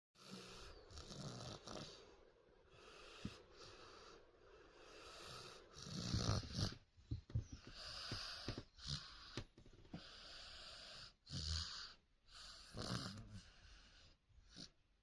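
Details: Girl deeply asleep, snoring: repeated rough, rattling snores with each breath, some with a whistling edge, quieter breaths between.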